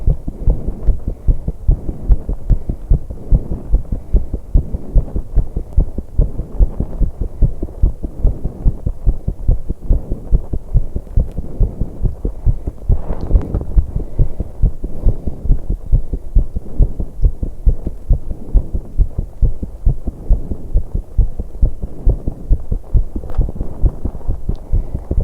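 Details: 21-year-old female's fast, steady heartbeat around 140 a minute with breathing and movement noise, recorded while using an exercise bike; rapid heartbeat during exercise.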